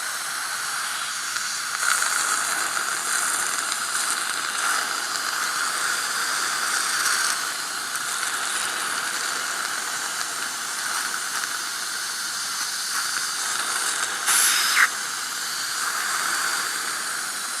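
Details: Steady loud hiss of dental suction running through an isolation mouthpiece in a patient's mouth, with brief rattles of instruments; normal device operation.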